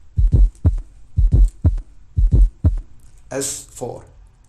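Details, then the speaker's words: Teaching recording, played first in slow motion then real time: heartbeat near 60 a minute with a soft extra sound just before S1; fourth heart sound (S4) gallop. "what it sounds like is love dub so let's have a listen and see if you can distinguish that fourth heart sound just before the first one"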